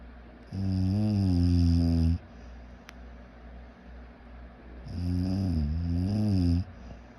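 Two long, loud, low rattling snores on the breaths in, with quiet breathing between them. Typical snoring.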